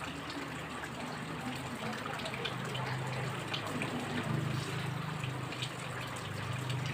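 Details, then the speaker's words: Soft continuous trickling and gurgling as about 80 ml of water is poured into a syringe barrel on a nasogastric tube after tube feeding, in a nursing return demonstration. "so before our feeding has reached this part of our barrel we're going to pour about 50 to 100 ml of water so this is our water about 80 ml"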